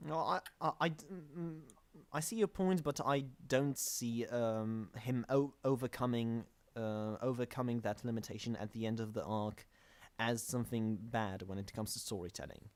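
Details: Podcast host whose co-hosts are called the non-stammering hosts, implying he stammers; show combines manga talk with speech therapy: stuttering.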